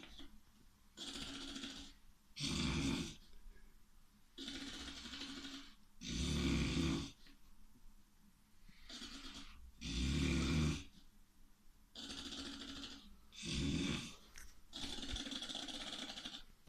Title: Snoring like an animal